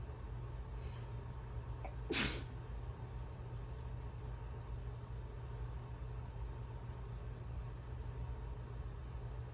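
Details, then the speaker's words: Soft intake of breath then a single sharp sneeze from a woman during an allergy attack while having some trouble breathing and possibly needing her inhaler, over steady room hum; sneeze. "Sorry if some of these sound a little weird. I'm having a little bit of trouble breathing."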